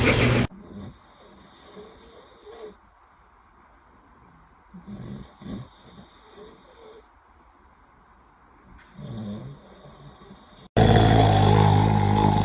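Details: An adult man (the baby's dad) snoring while a baby reacts: low rattling snores with the baby's soft sounds between them and a loud burst of noise at the end; snoring.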